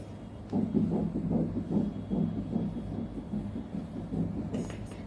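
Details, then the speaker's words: Doppler fetal heartbeat of the second twin at 7 weeks in a dichorionic diamniotic twin pregnancy (two separate sacs), following a very low sperm count: rapid whooshing pulses at about 145 a minute; the baby is said to be doing well. "Second twin ఇప్పుడు మనం second baby heart beat చూడబోతున్నాం."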